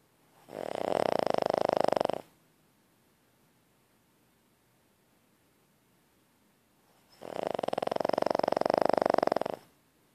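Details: Sleeping animal snoring: two long, rattling snores with a fluttering, buzzy sound on each breath and a quiet pause between them.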